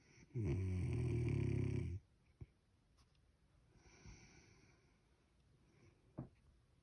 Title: Snoring sound